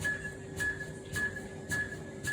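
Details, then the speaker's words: Training defibrillator in an adult-patient CPR scenario after shock delivery: steady metronome beeps, about 100 a minute, pacing chest compressions. "You hear the noise? That's how fast I push."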